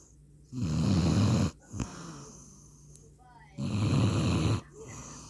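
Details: German Shepherd snoring: two loud, low rumbling snores about three seconds apart, each roughly a second, with quiet breathing between, in a quiet room; ordinary canine snoring.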